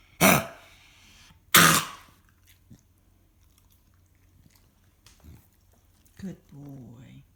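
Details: Dog coughing: two harsh, forceful coughs, then quiet room sounds and a person's soft voice at the end.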